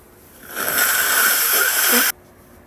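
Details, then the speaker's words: Woman sneezing from allergies, wet spray sneezes: one forceful, hissing sneeze burst about 1.5 seconds with wet spray quality, then quiet room noise. Sneeze. "gonna sneeze. Gonna sneeze again. Oops. Had a little boogie again."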